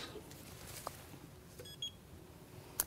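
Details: Quiet room with a few short electronic beeps from a dental curing light curing a composite increment in a mold while building an anterior tooth with a two-shade layering technique; dental curing light beep.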